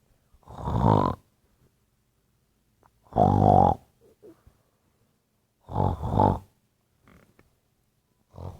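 Three loud, rough, rattling snores, about 23 a minute, with quiet pauses between breaths; ordinary snoring.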